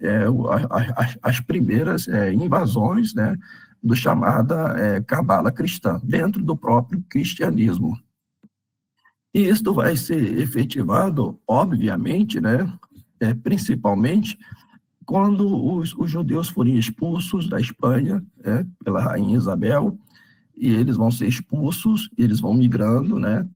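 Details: Adult man with spasmodic dysphonia treated with botulinum-type toxin injections; the effect is wearing off, so his voice is worse than last time. Signs return 3–4 months after each injection, with the next due early July.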